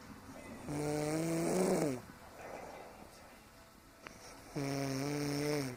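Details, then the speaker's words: A mother snoring: two loud, tonal, buzzing snores, each lasting over a second, separated by quiet breathing; ordinary snoring. "snoring, and Mommy, you do snore. So I'm gonna show you."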